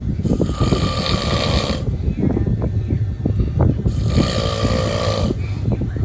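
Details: Loud, harsh, buzzing snores on two inward breaths over rumbling background noise: snoring.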